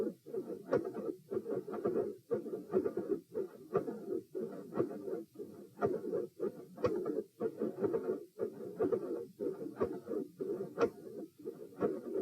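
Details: Heart sounds recorded at position P with the patient sitting, played in slow motion: sharp high-pitched clicks against a rushing murmur, clicks appearing mid-systolic; mid-systolic click with murmur.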